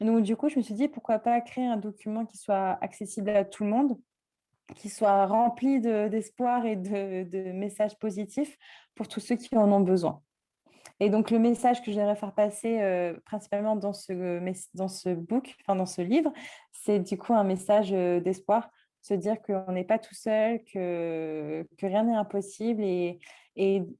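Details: Speech of a 24-year-old woman with self-described mild cluttering, a fluency disorder present since childhood and now much improved; cluttering.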